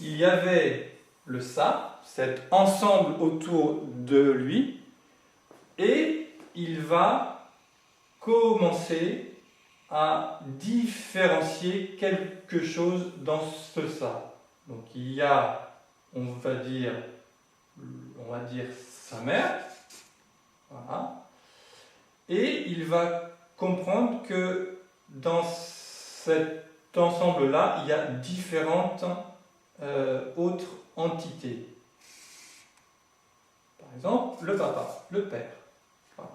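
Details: Adult male who has lived with stuttering for 20 to 40 years and says he is now getting out of it; stuttering.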